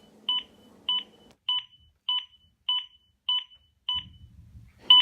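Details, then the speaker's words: Steady electronic double beeps about 100 a minute from a Zoll AED Pro defibrillator in training, a metronome pacing chest compressions at the correct CPR rate. "a metronome beat indicates CPR at the correct speed"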